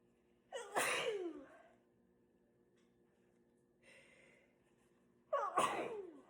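Two sharp, forceful sneezes a few seconds apart, each with a quick intake of breath before it and a quiet breath in between.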